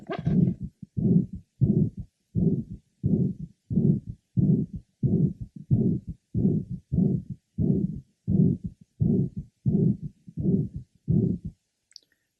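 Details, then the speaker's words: Man whose late apical systolic murmur of mitral valve prolapse, first noted 18 years ago, has become a harsh holosystolic murmur at about 90/min, from chordae tendineae ruptured by infective endocarditis three years ago; mitral surgery is scheduled. "he now has a holos systolic merma due to a ruptured cor tendeni which was the result of infective intis he had three years ago"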